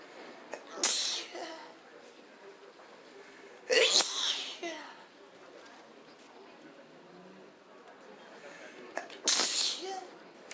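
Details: Sneezing at random and letting the sneezes come: three separate sharp, hissing sneezes a few seconds apart, with quiet breathing between; repeated sneezing.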